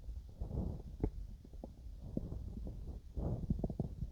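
Low gurgling and rumbling with scattered bubbly pops; stomach growling during digestion.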